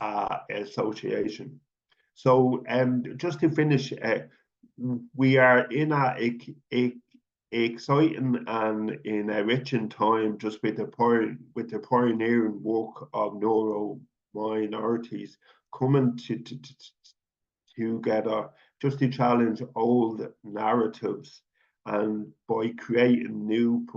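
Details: Speech of an adult man who stutters, presenting stammering as part of neurodivergence; stuttering.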